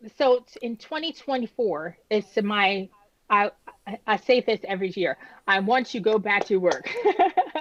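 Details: Woman who had a stroke at age 36 damaging about a third of her brain, including the speech center, initially leaving her unable to speak with right-side paralysis; she had aphasia and apraxia of speech after the stroke.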